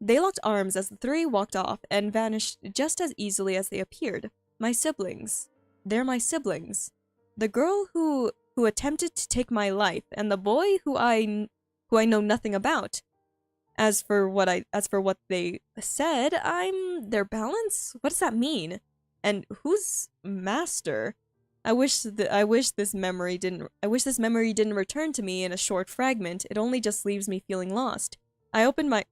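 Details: Woman who says she stutters a lot while reading aloud her own story and finds reading difficult; stuttering during oral reading.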